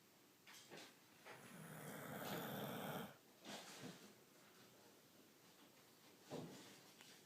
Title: My snoring staffy